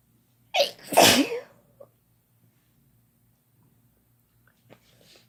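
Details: Adult sneeze induced by chhinkni sneeze powder (couple sneezing): a quick in-breath, then a loud explosive sneeze, followed by quiet with a faint sniff.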